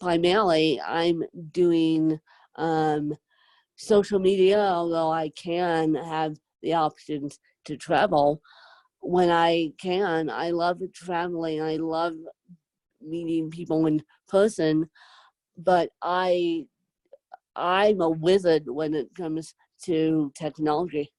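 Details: Adult woman with self-described moderate to severe cerebral palsy who needs help 24/7; dysarthric speech from cerebral palsy.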